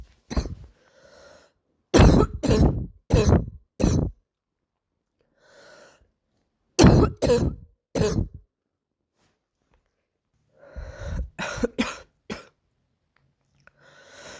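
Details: A girl of unknown cause coughs: harsh, deep barking coughs grouped in short bouts.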